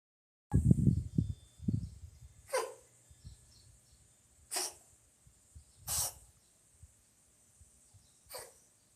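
Four short, sharp sneezes about 1.5 seconds apart, after some soft snuffling breaths: repeated sneezing in a cat.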